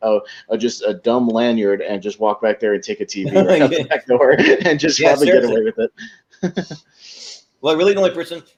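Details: Adult man; typical speech.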